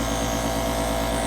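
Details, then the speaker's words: Steady loud motor hum with fast rhythmic pulsing from an Invacare Stratus nebulizer compressor, recently serviced with new filter, running normally and nebulizing water into mist during a how-to demonstration. "now as you notice it's vaporizing nebulizing the the water and turning it into a vapor Mist"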